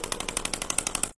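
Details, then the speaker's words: Shockwave therapy device in use on a tennis elbow (lateral epicondylitis) patient, applied with ultrasound gel over the elbow tendon attachment points: a rapid, even train of sharp clacking pulses, about twelve per second. "so this is really you know delivering that ultrasound wave into the tissue allowing things to break up and then repair mechanism to get reactivated and jump"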